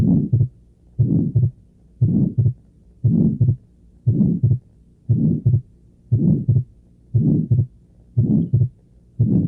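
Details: Regular heartbeat near 58 per minute with a soft midsystolic murmur and a split second heart sound, from a teaching recording: atrial septal defect, where the murmur with the split is found at older ages.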